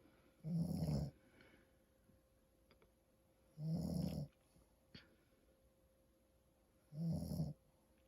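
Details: Dad snoring: three loud, rough snores on inhalation with quiet pauses, roughly 20 breaths a minute, in a quiet room; snoring.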